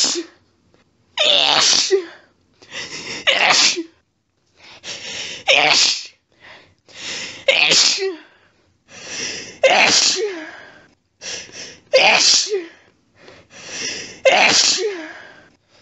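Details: Adult female in bed, sneezy all day, set off by a friend's cat lying under her chin; recorded on a cell phone: a rapid run of about ten forceful, wet sneezes, each preceded by a quick gasp: a sneezing fit.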